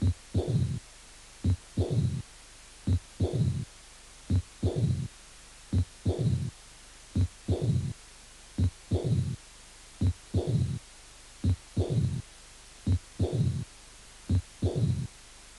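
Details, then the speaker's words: Severe aortic regurgitation: early diastolic murmur plus an Austin Flint murmur mimicking a diastolic rumble; slow heartbeat with a brief sharp sound then a longer low rumbling murmur each cycle. "insuficiencia aórtica severa con soplos diastólico precoz soplo de austin flynn que simula un retumbo diastólico"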